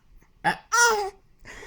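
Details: Three-month-old baby boy, possibly after drinking milk too fast: a sharp, brief hiccup followed by a high cooing squeal and a softer breathy sound.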